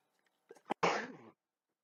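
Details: Sneezing all day, person doesn't think they are sick or allergic: short catching inhalations followed by one sharp, explosive burst of air, a single sneeze.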